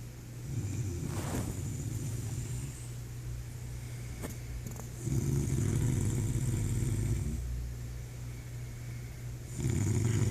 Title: Snoring the reason I'm up at night